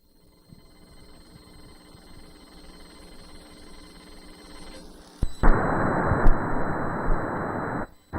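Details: Quiet room noise gives way to loud, rushing Doppler sound carrying a fetal heartbeat, played over speakers: fetal heartbeat.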